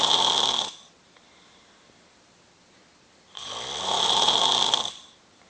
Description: sawing down a freaking forest!!